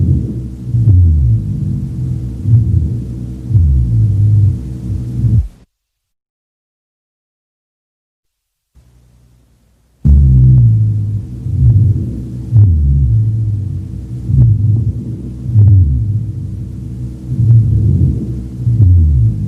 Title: RHONCHI - RIGHT LOWER LOBE | BREATH SOUNDS | AUSCULTATION